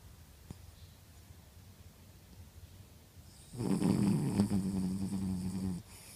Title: 10/01/14 - Snoring beauty